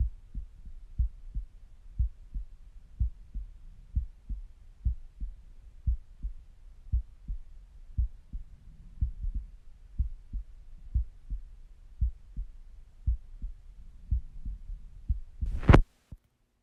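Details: Steady, regular resting heartbeat through a stethoscope with faint gurgling bowel sounds and a brief rubbing noise near the end; normal resting heart sounds.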